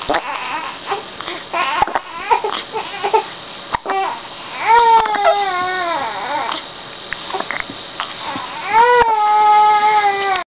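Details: A 6-week-old infant, recorded during a bout of hiccups, cries in rising and falling wails with short sobbing catches between them, in a small room.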